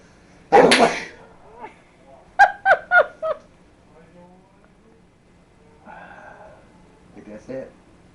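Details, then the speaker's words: A man's sneezing fit: a single loud, explosive sneeze, then a few short voiced bursts and faint sounds in a quiet room. "He's going through a sneezing fit, and I'm think videotaping"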